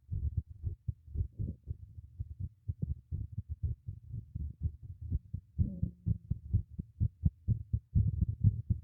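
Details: Own heartbeat recorded with a microphone fixed beneath a teacup: steady, muffled low two-part thumps at roughly 60 beats a minute; normal heartbeat.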